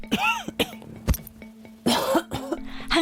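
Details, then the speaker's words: Repeated harsh coughs and throat clearing in quick bursts, indoors, from someone who coughed all night and could not sleep. Coughing comes before sleep, during sleep and on waking with a dry throat. Persistent cough attributed to bronchitis and tonsillitis. "밤새 기침 때문에 잠을 이루지 못하고 간신히 아침을 맞이한 씨."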